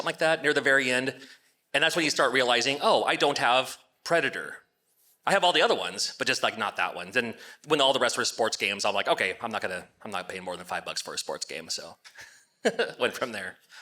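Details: Adult male speaker; no speech disorder.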